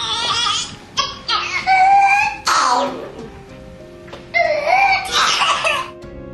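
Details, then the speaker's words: Infant with pertussis: bursts of coughing with high-pitched, strained crowing intakes over background music; whooping cough (pertussis). "sin embargo los más impactados son los niños menores de 6 meses que todavía no han recibido las tres dosis de vacunación y aún están desprotegidos escucha el sonido de la tos de un infante con pertussis"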